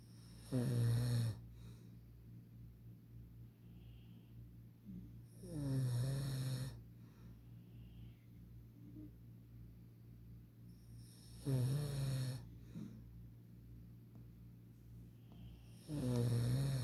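Low, rattling snores on each in-breath, about 12 a minute, with quiet breathing between and steady room hum.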